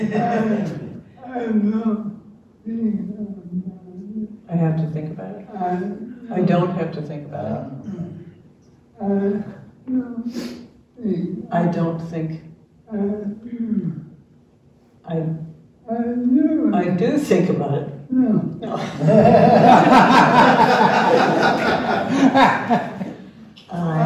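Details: Dysarthria in an older man, a retired pediatrician, with ALS diagnosed in late 2021; his wife translates his speech, and his jaw trembling is neurologic clonus.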